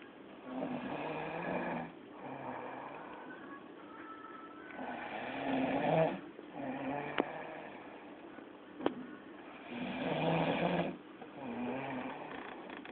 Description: this man snort like a dead man